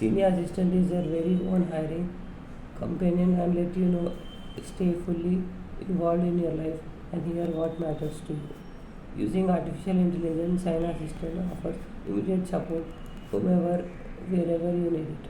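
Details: Young man, a college student, reading aloud; he reports his voice comes out thin when reading: puberphonia (high-pitched voice)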